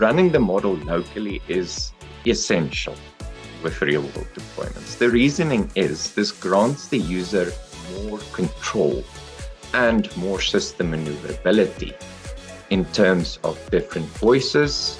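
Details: Adult male speaker; normal speech.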